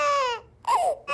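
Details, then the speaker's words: Hungry baby crying in two short, high-pitched wailing bursts separated by a brief pause for breath, used to demonstrate sound-recognition software. "the software can also recognize the sound of a baby crying"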